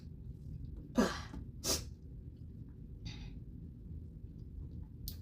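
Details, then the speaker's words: Deliberately grass-induced sneezing at high pollen count in early fall, no known plant allergies: two short sneezes about a second apart, then a softer breathy sound, over low room hum. "normally don't see this much like at all really like I don't normally have a reaction to like uh stuff like uh dander or cats but this this grass is like really I'm bless you."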